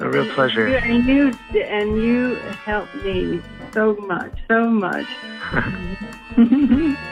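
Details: Adult woman with aphasia from brain damage caused by a stroke four years earlier that also paralysed her right side; aphasia.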